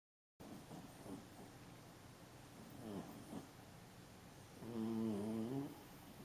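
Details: Dog snoring while sleeping and dreaming: soft snuffling breaths and small twitchy noises, then one longer rattling, tonal snore.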